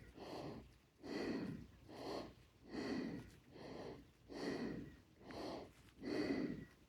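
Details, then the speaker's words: Adult with cancer affecting the lungs after a short garden walk: fast, heavy, noisy breathing about 36 a minute with whistling on each breath; wheezing and breathlessness on exertion. "you can hear me wheezing pretty bad in the videos I was just struggling to catch my breath you can hear while I'm talking right now actually"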